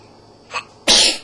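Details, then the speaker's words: Toddler girl, recently woken from a nap, sneezing: a short in-breath, then one sharp, hissing sneeze burst. "oh bless you bless you did you see Santa Claus at the mall yeah can you say Santa Claus oh bless you again did you sneeze"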